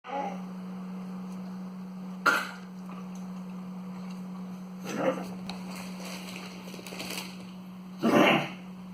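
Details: 8-month-old pug whose cough began last night gives three short, abrupt coughs spaced a few seconds apart over a steady room hum; he is eating and drinking normally, nose not wet.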